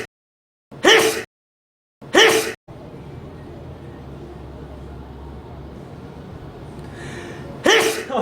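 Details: Adult sneezing: three sharp, voiced sneezes separated by pauses, with faint room noise between them.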